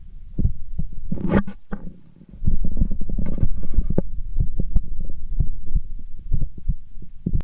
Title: heartbeat sound